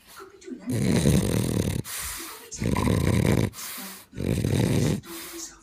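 Loud, coarse snorting snores on each breath in, with softer breaths out between them, about three cycles in five seconds. Snoring.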